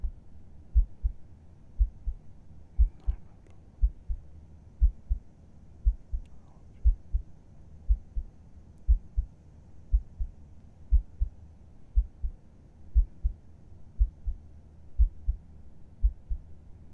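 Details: ASMR roleplay heartbeat, as heard with a head resting on the chest: soft, regular paired low thumps at about 60 a minute with faint background hiss; a calm, steady normal heartbeat.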